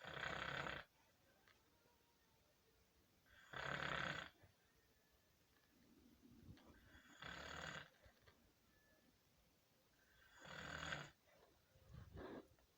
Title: SNORE WARS